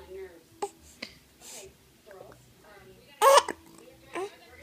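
Several short, sharp throat catches spaced irregularly over a few seconds, with quiet talk around them; hiccups.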